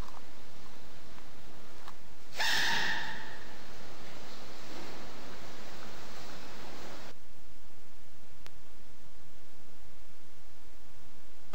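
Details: Sneezing panda.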